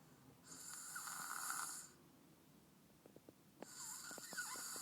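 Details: Very tired male in deep sleep: two hissing, fluttering breath sounds separated by a quiet pause with faint clicks; light snoring.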